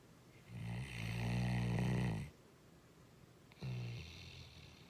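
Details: Snoring: a long, low, rattling snore on the in-breath, then a pause and the start of a second snore.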